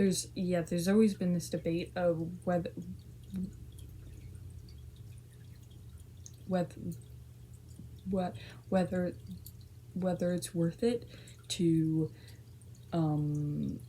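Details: Stuttering, a repetition of the word "whether", in a speaker with a tic disorder whose tics vary in severity.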